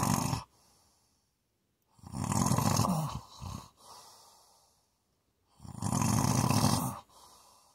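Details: Loud, harsh, rattling inward breaths every few seconds, each followed by a softer outward breath; heavy snoring.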